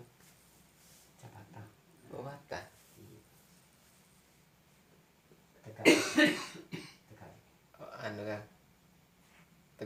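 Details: Several short, harsh cough bursts in a small room, quiet voices between, during a traditional massage therapy session for cough with fever and chills.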